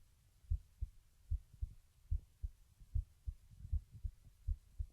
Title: Webcam Heartbeat Recording Lying Down